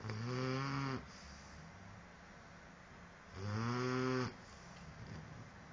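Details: Dogue de Bordeaux puppy snoring while asleep: two long, low, droning snores of about a second each, with quiet breathing between.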